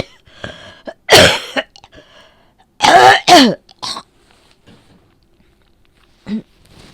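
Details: Person with a cold that began with a sore throat, coughing up lots of phlegm: loud coughs, a single then a double, with rough throat clearing; wet, productive cough.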